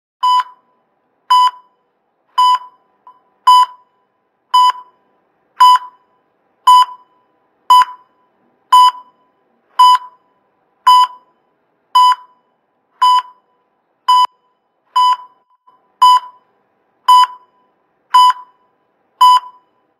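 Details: A cardiac monitor sound effect, not a real patient: steady, evenly spaced single beeps at about 56 a minute, a regular heart rate tone.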